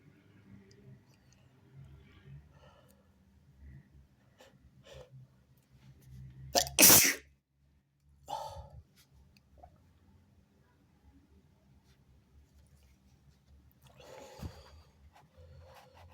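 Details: One sharp, explosive sneeze after a quick indrawn breath, then soft breathing and rustling of fabric (sneezing onto a robe) in a quiet room.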